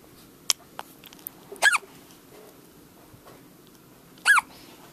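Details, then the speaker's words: Two brief, high-pitched squeaky hiccups about two and a half seconds apart, likened to a little mouse, with faint clicks in a quiet room: a dog's hiccups. "Sounds like a little mouse."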